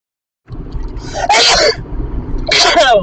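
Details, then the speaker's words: Adult with pet allergy sneezing after a visit to a dog-filled house, deliberately without antihistamines, while driving on the motorway: two explosive sneezes over car road noise; allergic sneezes. "just coming back from a dog filled [Music] house trying to drive while sneezing or nearly sneezing not the easiest thing to do"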